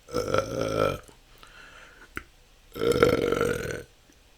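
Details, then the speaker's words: Person with belching they say can go on for hours, in a continuous 10-minute recording: two long, loud, voiced burps with a pause between. Repeated belching. "that's 10 minutes this can go on for hours this has been my struggle"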